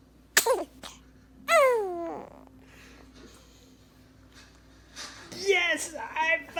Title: Cute baby sneezing!